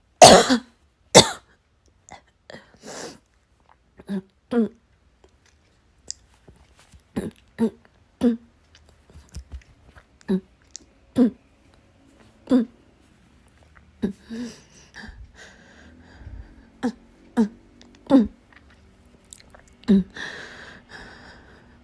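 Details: About twenty dry coughs in quick succession with brief pauses, building into a persistent coughing fit, with faint room noise behind: coughing in a hospital waiting room that would not stop after being suppressed, possibly cough-variant asthma.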